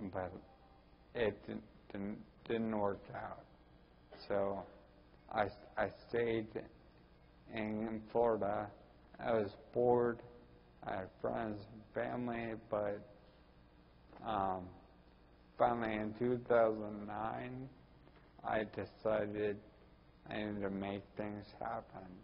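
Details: Ataxic dysarthria in a 41-year-old man with Friedreich's ataxia, which also causes balance problems and walking difficulty.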